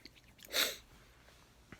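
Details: A single sharp, hissing burst of air with a brief voiced onset in a quiet room: a sneeze from an adult with seasonal pollen allergies, postnasal drip and seasonal bronchitis, not from an infection.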